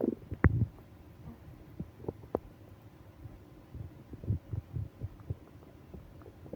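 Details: Soft, irregular low gurgles and rumbles from the belly, recurring over several seconds, with moaning: bowel sounds (stomach growling) during a stomach ache on a business trip.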